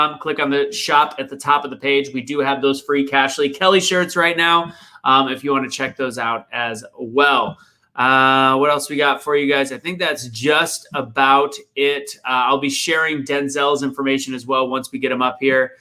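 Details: Adult male speaker; ordinary speech.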